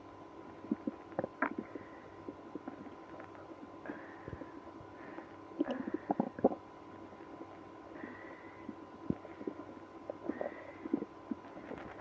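Irregular gurgling, rumbling and squeaking abdominal noises over a faint steady hum: active bowel sounds from stomach and gut.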